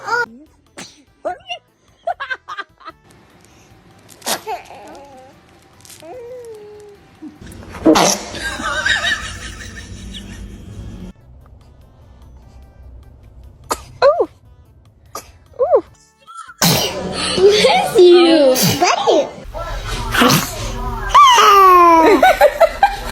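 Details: Baby makes small vocal sounds, then a brief sharp sneeze, followed by laughter and loud background music.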